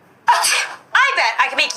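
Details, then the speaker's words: Sneezing clip: two sudden, explosive sneezes, each a sharp voiced burst with a hissing release; ordinary sneezing. "देखिए कितना सुंदर छिक रहा है सब। चलिए और भी छिकने का वीडियो देखते हैं। देखिए इसमें बहुत सुंदर सा छकेगा इसमें।"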